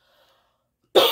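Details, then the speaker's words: Single short, sharp cough from an adult speaker who reports sinus trouble with lingering coughing that has been improving. "but it's still some coughing that's there so you'll hear that and so I just want to say excuse me in advance for that"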